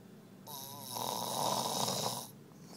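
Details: Man snoring as he falls asleep after a long night out: a single long, harsh inward breath with a buzzing rattle; a loud snore.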